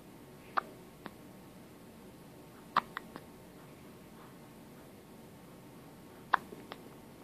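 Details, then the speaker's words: 2.5-week-old baby boy with hiccups, hiccuping repeatedly and getting angry and upset about them. "Baby's got hiccups. He's angry about them."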